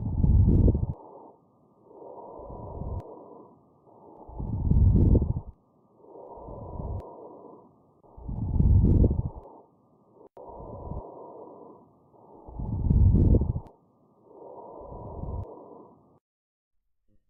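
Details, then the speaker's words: Slow, regular breaths through a stethoscope with loud, low-pitched, longer-lasting bubbling crackles like opening Velcro: coarse crackles. "Then we have coarse crackles. These crackles are louder, low-pitched, and last longer, like opening Velcro."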